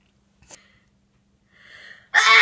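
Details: Female Japanese speaker in a live-streamed sneezing session: a faint catch of breath and a drawn-in inhale, then a sudden loud burst of air, a single sneeze.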